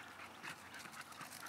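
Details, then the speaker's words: Fairly young, underdeveloped female dog with a rather long muzzle: constant open-mouth breathing with harsh upper-airway noise on each quick breath while moving, assessed during a breathing evaluation; stertor. "är spänstig och fin men definitivt har andningsljud i rörelse och hela tiden andas med öppen mun"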